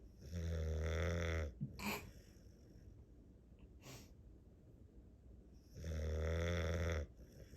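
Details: Dog worn out after a busy day, asleep and snoring like a chainsaw: two long, loud, buzzing snores about five seconds apart, with a short snort and quiet breathing between; heavy dog snoring.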